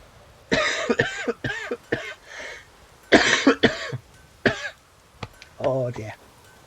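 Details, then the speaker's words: Adult coughing while playing a video game: several short, harsh, throaty coughs amid game sounds; a plain cough. "Oh dear, sorry. You don't need to hear me coughing. But still coughing I have."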